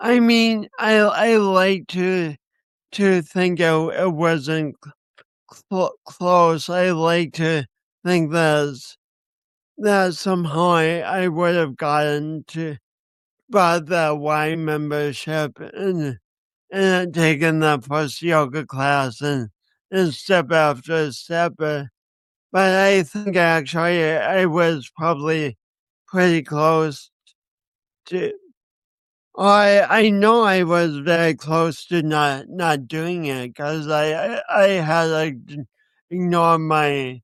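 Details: Speech impediment (dysarthria) in a 50-year-old man, lifelong and linked by him to a birth injury, with accompanying coordination issues; he describes it as a disability.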